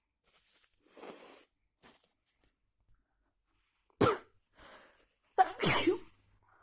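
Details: Big sneezes, possibly from someone with a cold: quiet breathy sounds, then two loud forceful sneezes with sharp onsets, the second a double burst; sneezing.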